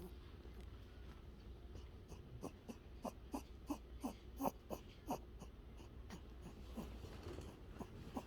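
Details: Snoring rabbit: rapid soft snorting snores, about 90 a minute, over low steady room hum.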